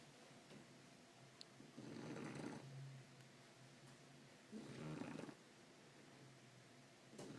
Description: My 9 week old adorable Shar Pei snoring away.